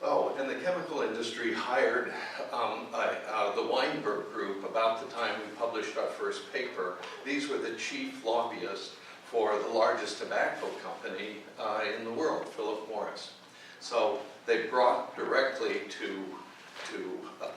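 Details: Adult man with essential tremor that also affects his hands and ended his surgical work; voice wavers; voice tremor (essential tremor).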